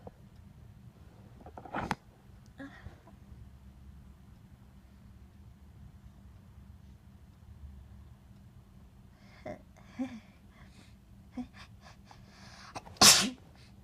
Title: More Sneezes in Bed